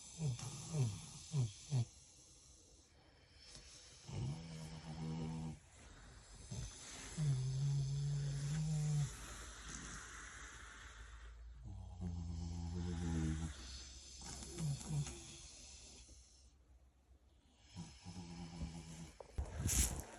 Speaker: I have a random question for you. Ever heard a pig snore? You're about to.